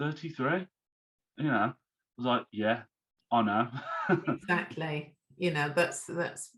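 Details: Man, 34, who had a stroke at 33 about three months earlier, lost speech, reading and writing, and is recovering; speech is worse when tired; aphasia after stroke.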